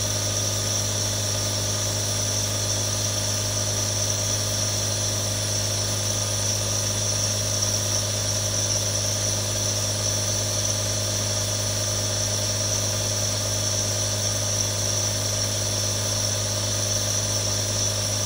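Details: Real recording of nebulizers running: a steady mechanical compressor hum with a constant hiss.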